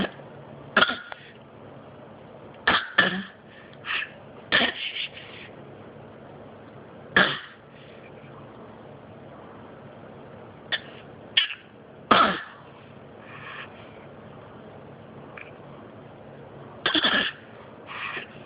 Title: Coughing